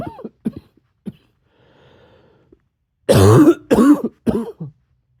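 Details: Soft short coughs, a quiet breath, then three louder harsh, slightly barky coughs with voiced tone; repeated coughing.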